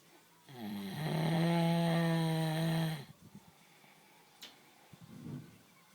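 One long, deep, rumbling, tonal snore-like breath lasting a few seconds, then quiet breathing noise. A cow snoring.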